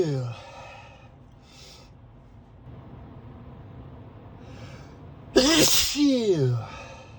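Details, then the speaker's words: Adult sneezing while driving to work, allergies despite daily medication, blamed on high pollen count: a single loud sneeze after quiet sniffling and soft breaths in a car. "[snorts] [snorts] I'm so sneezy driving to work this morning. [snorts] Good thing this isn't a busy highway."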